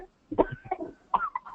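A simulated child's cough: three or four short, abrupt bursts in quick succession with a slightly hoarse, muffled quality.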